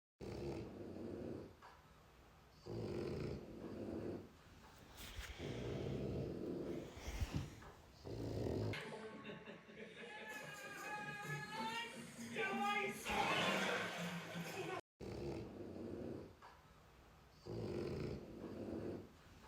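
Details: Sleeping puppy (dog) snoring: repeated rough, raspy breaths about every two seconds, with a brief whistling whine midway.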